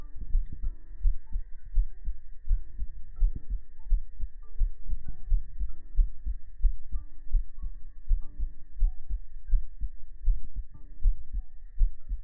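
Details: Heart-sound segment of a sleep-aid ASMR stream framed as resting in a mother's embrace: soft, deep, regular double thumps at about 80 a minute with faint tones over them, a heartbeat.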